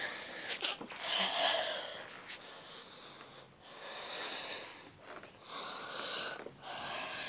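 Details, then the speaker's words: Wheezing in a person with asthma, breathless after fast rapping: noisy breaths with a high, whistling, hissing quality on each breath, from narrowed airways. "then just my I'm trying to show you my breathing how bad it is because it's not that bad I'm trying to hold it in"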